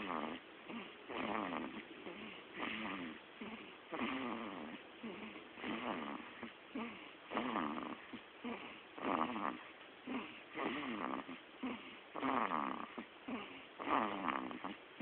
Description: Baby snoring like an old man!